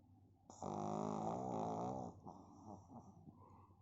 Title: Cute pug snoring 😂😂💤😴😴! 🐕